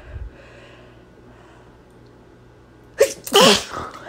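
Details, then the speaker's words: Woman sneezing on request, blaming allergy, saying she needs to sneeze again: a quiet pause, a quick indrawn breath, then one loud, explosive sneeze; sneezing. "Ay, perdón. Otra vez. Necesito estornudar. Ahí viene."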